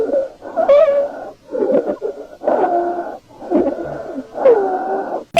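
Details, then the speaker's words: Stethoscope recording of stridor from upper airway obstruction: harsh, high-pitched musical noise on each breath. "这是上气道梗阻时的喘鸣音"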